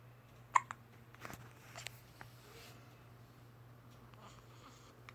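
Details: Baby girl with hiccups trying to cry: a few sharp, brief catches of breath in a quiet room; infant hiccups.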